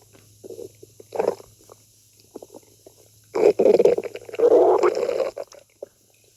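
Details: Irregular gurgling and rumbling bursts from the abdomen: stomach growling (borborygmi) from gas and fluid moving through the gut.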